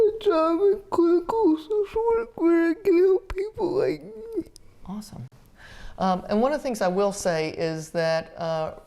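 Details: Dysarthria in a 30-year-old woman with GMFCS Level 4 (severe) spastic quadriplegic cerebral palsy with an athetoid component, which affects all muscles including those for articulation; she uses a power wheelchair and had repeated eye and hip orthopedic surgeries.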